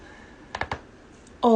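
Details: Back and neck cracking: a quick cluster of three sharp clicks during manipulation, then a voice; joint cavitation.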